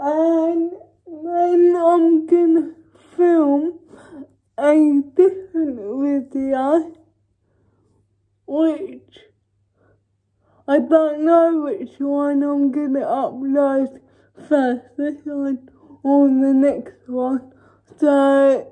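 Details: Female vlogger with cerebral palsy speaking in her daily-life vlog; dysarthric speech due to cerebral palsy.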